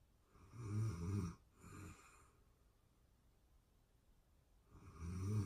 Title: ASMR sleeping beauty snoring sounds real time sleeping anxiety relief